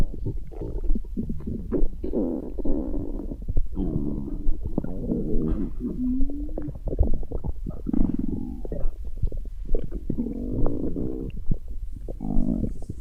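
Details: Continuous gurgling, bubbling rumbles with occasional squeaky gurgles: stomach growling, normal bowel sounds from gas and fluid moving through the gut (borborygmi).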